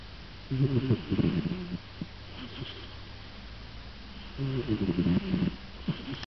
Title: A cat snoring